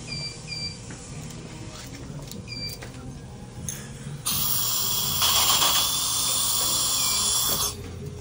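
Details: Clinking instruments and torque beeps, then a steady high whining drill for several seconds while placing one of ten mini implants in the upper arch. The patient has bone loss, low sinuses and a narrow ridge; implants are torqued to 30–60 Ncm.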